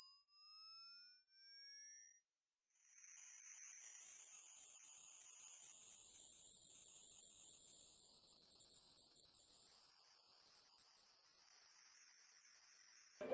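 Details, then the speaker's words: Rising high-pitched test tone climbing until very shrill, played during a hearing test until the listener says stop, to find the upper limit of hearing. "to give you a little hearing test right now. Okay. When you can't hear it anymore, you say to me, stop, okay?"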